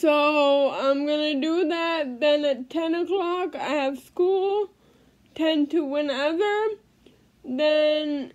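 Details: Adult female living with cerebral palsy speaking in a daily vlog; no specific speech disorder named; dysarthric speech in cerebral palsy.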